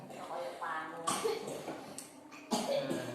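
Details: Short, loose coughs from a child, about three bursts amid voices and room noise, cough attributed to being worn out from playing, child also has back pain, during a massage/therapy session; cough.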